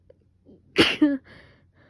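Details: Single sneeze from a person with a fever, now down, and a sore throat from much coughing and sneezing, part of a sneezing fit: a short indrawn breath, then a sharp explosive burst with a brief squeaky tail.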